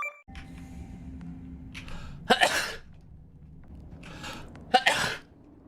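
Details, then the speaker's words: Two sharp, explosive sneezes a few seconds apart over faint room noise, from a VTuber livestream sneeze highlight; the streamer says they keep sneezing and excuses themselves. "Excuse me. >> [laughter] >> I keep sneezing."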